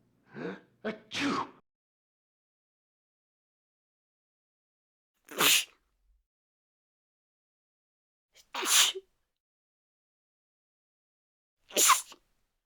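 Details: Sneeze sound effect: four separate sneezes, the first after a quick catching breath, each a sharp hissing burst with silence between.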